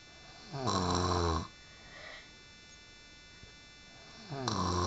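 Loud, rough, rattling snores on the in-breath, about a second long and a few seconds apart, in a quiet room.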